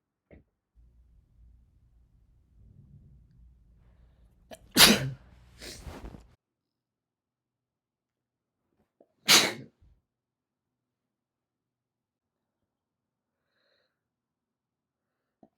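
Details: Natural sneezes: a quiet in-breath, then two loud explosive sneezes close together and a third a few seconds later.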